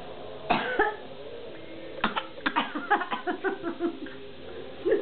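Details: Child copying grandma's coughing: two sharp coughs, then a quick run of short, dry coughing bursts in a small room.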